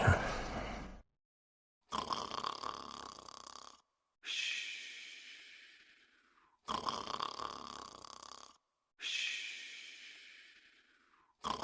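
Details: Cartoon characters sleeping: alternating loud snorting in-breaths and whistling, hissing out-breaths, about five in eleven seconds, with clean silences between. Snoring.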